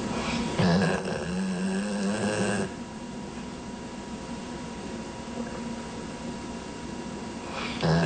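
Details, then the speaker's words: Pet snoring played in a TV news segment about an anti-snoring product for pets. "Thanks to Melody De Rivel with Green Pharmaceuticals. A product for pets that snore. You think I'm kidding ? Some of you are living with this."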